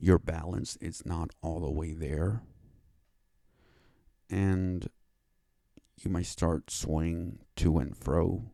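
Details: Adult male with cerebral palsy that he says affects his speech and causes his stuttering, after five years of speech therapy; dysfluent speech in cerebral palsy.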